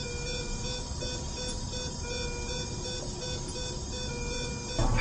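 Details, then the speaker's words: Simulated ECMO high post-membrane pressure scenario, circuit kinked after moving: repeating pump alarm tones over a steady hum as pressure rises from 250 to about 400. "no my post membrane pressure is really high it's up around 400 and it used to be 250."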